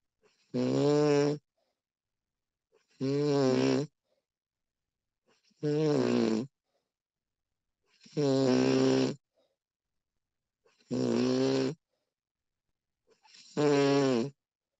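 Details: Recording of a woman snoring: steady, regular snores on each in-breath, about 23 per minute, with quiet breathing out between; ordinary snoring.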